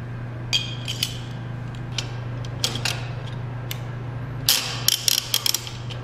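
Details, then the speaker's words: Bookwalter table-mounted abdominal retractor, triple-action ratchet being worked after single- and double-action; sharp metallic clicks and ratcheting over a steady low hum. "now there are three types of ratchets in each of these sets and each of these ratchets basically just give a varying degree of retraction and angle so again starting with the smallest ratchet single action double action"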